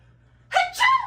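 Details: Acted sneeze in a classroom skit: a brief silence, then a loud two-part voiced "ah-choo" with rising pitch, followed by "bless you".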